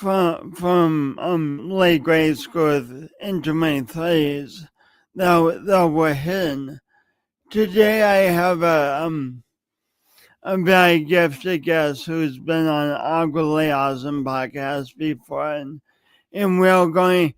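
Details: Adult with a long-standing speech impediment, audible whenever they speak and present for many years; speech impediment with disfluent speech.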